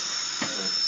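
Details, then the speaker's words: Guided dental implant surgery on a real patient: steady high-pitched whine of a 2.2 mm surgical drill starting the osteotomy after a tissue punch, drilling to meet the sinus at about six millimeters before measuring for further depth. "we're going to start our osteotomy with the 2.2 drill guy to drill foreign ERS so we want to encounter the sinus about six millimeters and then measure what we need to go a little further"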